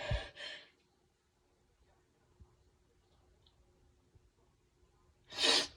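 Two quick explosive bursts, then a quiet pause, then a third forceful burst: a run of sneezes.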